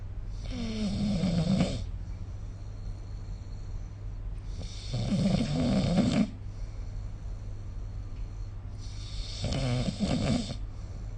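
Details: Snoring recorded with the SnoreLab phone app: three loud, rough snores on inhalation at roughly four-second intervals, about fifteen a minute, over steady room hum; typical sleep snoring.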